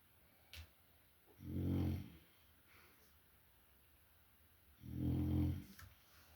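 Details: Loud, low, rumbling snores on each inhalation, about one every 3.5 seconds, from a sleeping male French bulldog; snoring.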